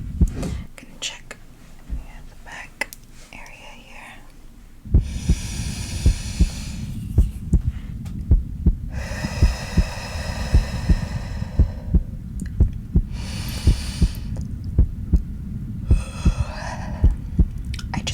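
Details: Slow heartbeat during a slow deep-breathing relaxation exercise in an anxious person: soft, steady thumps at about 54 a minute, with whooshing slow breaths and rubbing; the heart rate was felt to fall with the breathing.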